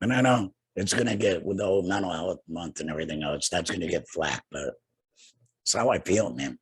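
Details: Adult man two years after total laryngectomy for cancer, also treated with radiation and chemotherapy; no larynx, breathes through a neck stoma, speaks via tracheoesophageal puncture voice prosthesis with an HME: tracheoesophageal speech.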